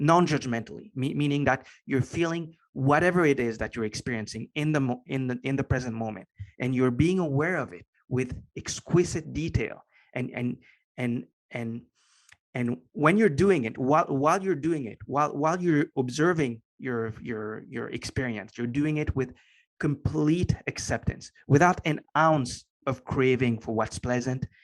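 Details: Lifelong stutter in a man, since as long as he can remember, now better controlled and barely audible after consistent meditation practice; part-word and word repetitions heard; stuttering.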